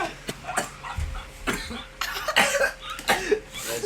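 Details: College student coughing after a large vape hit (a "blinker"): repeated harsh, hacking coughs in a run with friends nearby; afterwards he says breathing hurt.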